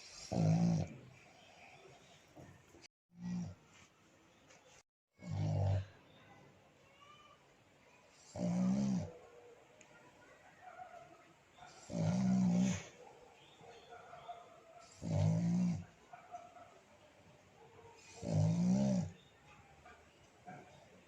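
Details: Sleeping black pug dog snoring beside its owner: loud, rhythmic grunting snores, about six in twenty seconds, with quiet rattly breathing between them; snoring in a flat-faced dog.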